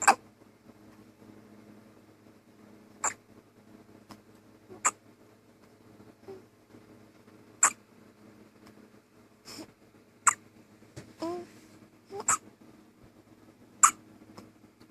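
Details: Hiccups in a newborn baby only days old: brief sharp hiccups at irregular intervals, about ten in fifteen seconds, over quiet room hum; a normal finding.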